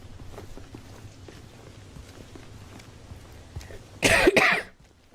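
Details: A girl coughing: a quiet room, then two quick loud coughs in a single burst.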